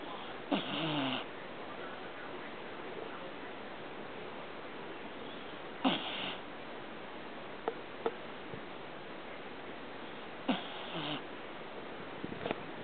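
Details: Short snorting snores every four to five seconds with a few faint clicks between, from a dachshund (weenie dog); snoring.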